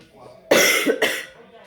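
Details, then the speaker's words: Two harsh, noisy cough bursts from a young boy in a quiet room at bedtime; the children are coughing and he is currently coughing the worst. "Donc, mais pourtant, ils toussent comme... On va dire qu'en ce moment, maintenant, c'est lui qui tousse le pire, quoi."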